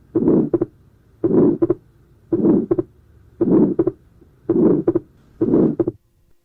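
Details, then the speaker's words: Harsh, high-pitched ejection systolic murmur of atrial septal defect, from increased flow across the pulmonary valve, best heard over the pulmonary area, with wide fixed splitting of the second sound; regular heartbeat near 56 per minute. "And also पीच्ड Harsh ejection systolic मर due to increase your across the pulmonary valve"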